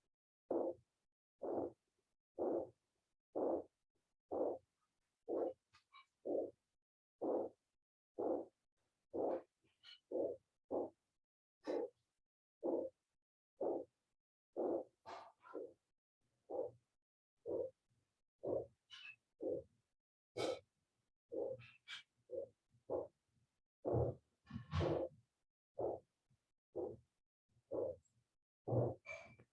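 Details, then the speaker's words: Aortic stenosis murmur, with heart sound isolated from breath sounds: steady heartbeat near 60 a minute, each beat with a harsh rasping murmur in the background. "Vamos a escuchar el corazón y lo que suena de fondo no es la respiración. Lo que suena de fondo es el soplo, ¿listo?"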